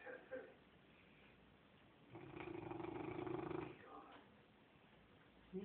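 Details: Snoring in a sleeping Cane Corso dog: a single low, rough, rattling breath noise lasting about two seconds against quiet room sound.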